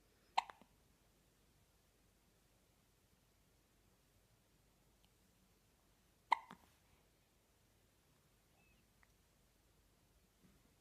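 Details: A 4-day-old newborn girl hiccuping and yawning; two brief, sharp hiccups about six seconds apart in a quiet room.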